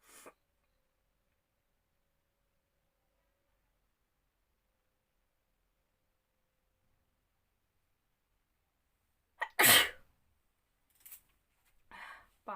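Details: Woman doing a sneezing challenge: a sharp, forceful sneeze after a long quiet stretch, followed by softer breath sounds.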